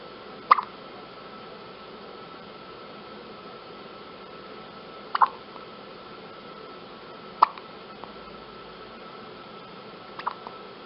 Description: A newborn baby, only hours old, entering this world with her own little chorus of hiccups.